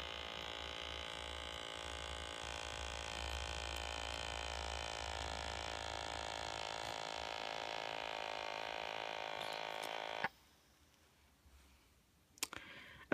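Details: Relion or Omron wrist blood pressure monitor on the left wrist, held at heart level: a steady motor whine as the cuff inflates for about ten seconds, then an abrupt click and quiet deflation. One reading was 129/74 mmHg, pulse 81.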